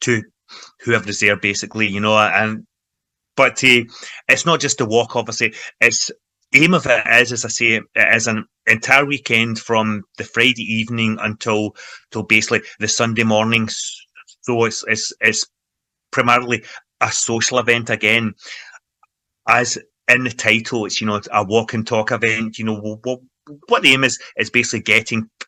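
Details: Adult man involved in stammering self-help groups for over 25 years, in everyday conversational speech; stuttering (stammering).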